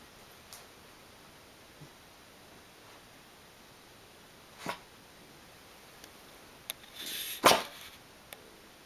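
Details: A dog in a quiet room coughs: a brief sharp expulsive burst, then a louder harsh burst with a short rasping lead-in.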